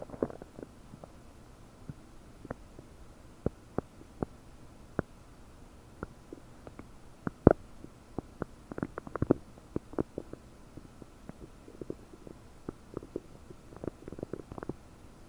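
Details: Belly recorded with a desktop microphone about 9 hours after eating 30 prunes; bloated, with frequent gurgles, pops and bubbling squeaks over quiet room noise, i.e. loud, active borborygmi.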